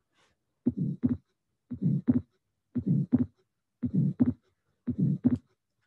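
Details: Atrial septal defect: slow heartbeat with a fixed, widely split second sound and a soft systolic ejection murmur caused by increased flow through a normal valve.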